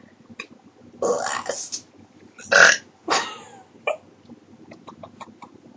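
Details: Female who gave herself hiccups and says hers usually hurt and end in a burp: several short, forceful, voiced belch-like gulps in a quiet room, burps occurring during a bout of hiccups.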